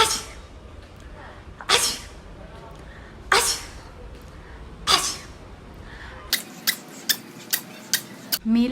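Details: Four loud sneezes in a row, followed by a few sharp clicks; repeated sneezing.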